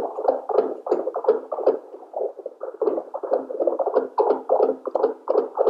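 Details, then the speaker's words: Simulated fetal heartbeat on a Fetomax portable NST/CTG machine during a dummy test: the FHR Pro Doppler probe is tapped to imitate a baby's heartbeat, giving rapid, somewhat irregular whooshing thumps. "now i take the fhr pro and i try to create a heartbeat sound now like you see i am trying to create a baby's heartbeat by tapping on the fhr"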